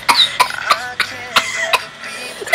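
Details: A rapid run of about six sharp coughs in under three seconds, with tonal background sound: a coughing fit.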